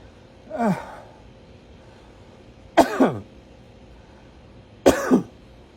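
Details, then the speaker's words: Voluntary cough demonstrated in the proning position (on hands and knees, elbows dropped, head down) after a deep breath, shown as ICU technique for COVID lung patients: three deliberate coughs, the last two double. "then you drop your elbows like this and you put your head down and you breathe in deep and you cough this is called proning"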